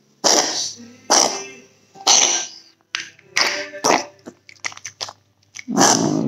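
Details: Dog (Lily) giving a run of harsh, dry coughs, about six bursts with short pauses, recorded for vet reference.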